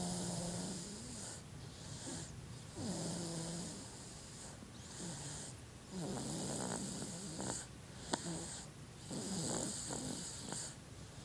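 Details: A sleeping 7½-month-old infant snores in rough, buzzing breaths about 19 times a minute over steady background hiss: snoring.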